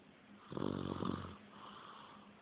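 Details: A girl said to snore like her father: one loud, rattling, vibrating snoring breath lasting about a second, between quieter breaths.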